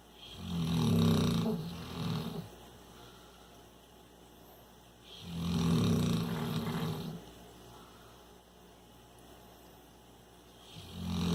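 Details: Deep, rumbling snores on each breath in, about 13 breaths a minute, with quiet pauses between; ordinary snoring.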